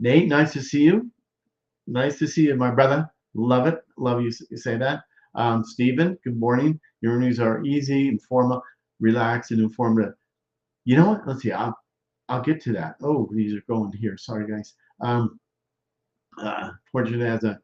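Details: Male stroke survivor more than 13 years post-stroke with Broca's expressive, non-fluent aphasia, involving word-finding difficulty, trouble with function words and word substitutions, speaking English; expressive (Broca's) aphasia.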